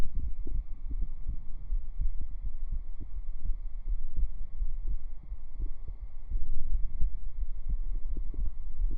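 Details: Soft, deep low thumps against a steady hum, a real heartbeat recorded up close on the chest with binaural microphones for ASMR; ordinary heartbeat, rhythm hard to count clearly.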